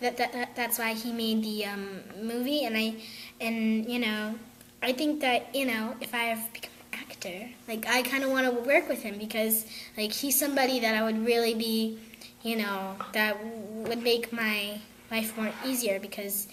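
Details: Young girl who stutters, attending a theatre group; repetitions heard; stuttering.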